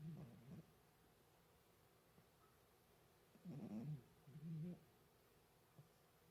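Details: A sleeping chihuahua makes quiet, irregular low rumbling snorts and soft grunts with long silent gaps; owner is unsure whether it is snoring or sleep-talking.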